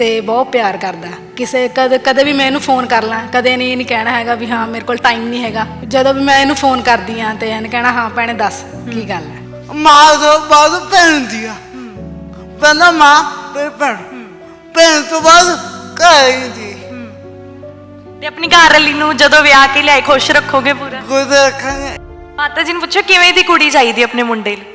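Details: Stammering in a young man whose speech problem has been present since birth; he also has a disabled hand.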